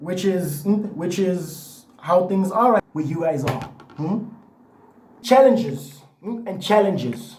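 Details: Adult man with lifelong stuttering, after a year and a half of therapy and doing breathing exercises, so the stutter may be partly masked.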